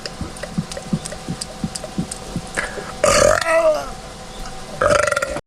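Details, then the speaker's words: Deliberate burping on command by swallowing air: a run of short gulping sounds followed by two loud, drawn-out belches; voluntary swallowed-air burping. "then you can fit more air in there and you could have a bigger burp that's the inside burp"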